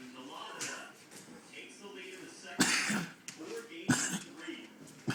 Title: Coughing and makin noises